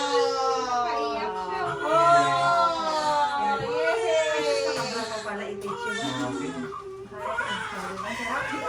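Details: Newborn baby girl just after a first-time mother's natural vaginal birth, during skin-to-skin contact: repeated wavering cries mixed with adult voices and room noise; normal newborn cry after birth.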